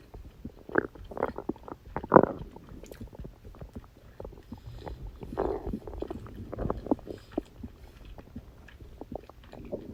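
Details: Stomach growling on a birthday after eating cake: irregular gurgling and squelching rumbles from the belly, ordinary digestive sounds.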